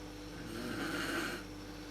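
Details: Adult woman (mother) snoring in a dark room, worst at sleep onset, recorded on a PowerShot SX130 IS camera: a single rough, rattling snore on an in-breath against steady room hum.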